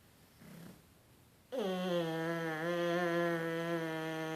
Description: Synchronized snoring from the puglets